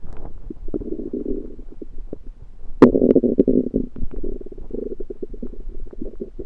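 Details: Loud bowel sounds (borborygmi): low gurgling and rumbling from the belly with scattered pops and one louder surge, recorded after eating a home-cooked meal the person suspects was undercooked.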